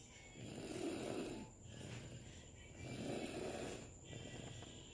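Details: Snoring during sleep, recorded in 2019: rhythmic, rough, low snores on each breath, about 26 a minute, with faint background music.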